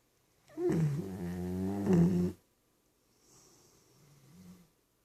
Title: snoring